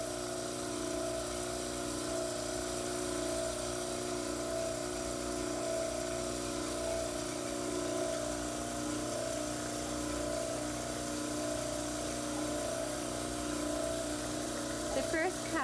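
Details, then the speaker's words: Dental model trimmer trimming the back of the mandibular cast, held in occlusion with the maxillary cast, until the backs are even: steady motor hum with grinding and running water. "the easiest way to do this is place the capital flat on the table of your model trimmer place the tapee in a clusion and trim until the the acts are even"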